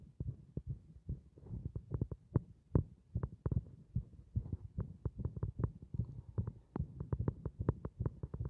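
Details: Heart moving against compression: fast, somewhat irregular low thumps at roughly 150 a minute; rapid heartbeat.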